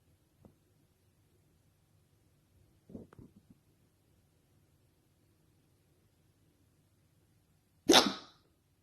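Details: Soft sniffs and snorts, then one sharp explosive burst; sneezing.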